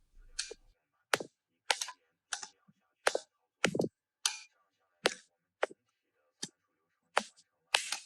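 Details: Pico laser firing during tattoo removal, 5 mm spot, two passes per point, on a line tattoo with some hypertrophic tissue: sharp snapping clicks at about 105 a minute, somewhat irregular.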